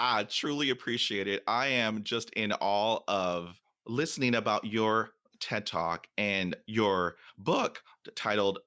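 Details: Adult man who stutters, speaking conversationally in a podcast interview about stuttering; stuttering.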